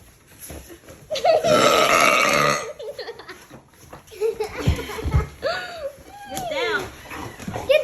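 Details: Deliberate burping on request from cousins: a long, loud, drawn-out burp lasting over a second, then shorter throaty sounds, with laughter in the background.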